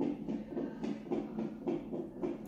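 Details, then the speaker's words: A fetal heartbeat on a CTG trace recorded on a pregnant woman's first day admitted to hospital: rapid rhythmic whooshing pulses from the fetal monitor, about 200 a minute. "Allora, raga, sto facendo il tracciato."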